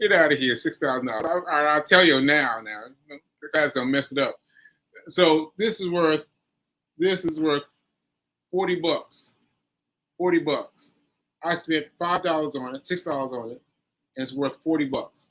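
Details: Adult man with aphasia after a stroke on 7/14/22, recorded 7/4/23 while still recovering and saying he sometimes needs extra help; aphasia.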